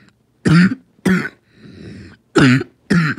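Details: Coughing fit with four harsh, forceful coughs and rasping breaths drawn between them, attributed to asthma; described as choking.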